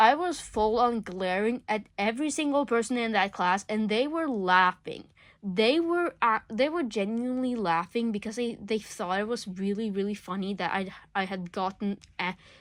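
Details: Male speaker who says he stutters a lot; stuttering.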